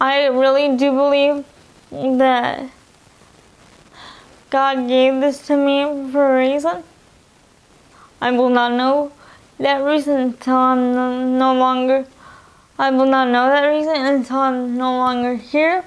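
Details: Woman with spastic dysarthria from spastic quadriplegic cerebral palsy present since birth (in utero), all four limbs affected; uses a wheelchair, cannot walk, read or write; cerebral palsy affects her speech and eating.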